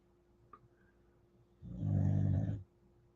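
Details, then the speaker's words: Sleeping female dog, reportedly putting on weight from extra treats: one rumbling, fluttering snore of about a second in a quiet room; ordinary dog snoring. "Hey, Katrina, glad you're still here. I know you can hear her snoring."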